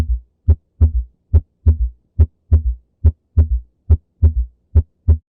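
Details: Regular heartbeat near 70 per minute with a murmur filling systole and an added early diastolic third sound; holosystolic murmur with S3.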